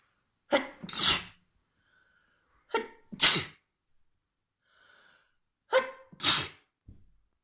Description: trans girl inducing an insanely messy fit with a fluffy white feather!!